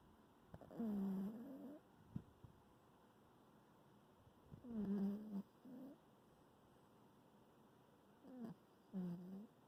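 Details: A sleeper gives low, buzzing snores about every four seconds, roughly 15 breaths a minute, in a quiet room: snoring.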